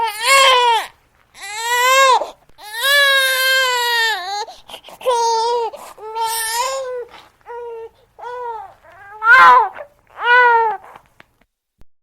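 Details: Sound-effect recording of a newborn baby crying, perhaps hungry: repeated high-pitched wails separated by brief pauses for breath; ordinary infant cry.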